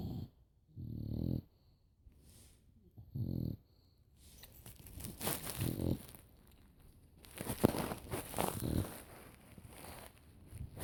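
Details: Two sleepers snoring in tandem: short buzzing snores, then overlapping snorts and rumbling breaths from the second sleeper.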